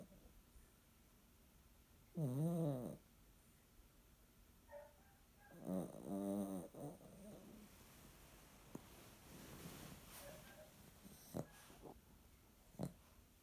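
Two loud, vibrating snores with fluttery breathing noises between them, in a quiet room.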